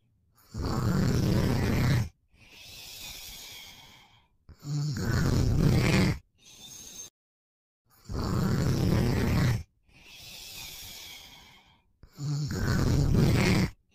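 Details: Adult boyfriend asleep: loud rattling snores on each in-breath with softer out-breaths, about 16 breaths a minute; ordinary snoring during sleep.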